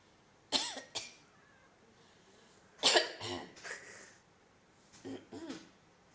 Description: My cat was so funny while making meowy sounds in her sleep after hearing its "owners" coughing that I had to record it